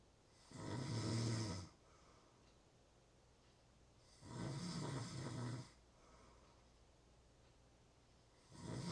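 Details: Real human snoring during sleep: steady, coarse snores, each about a second long, roughly 16 a minute, with quiet breathing between.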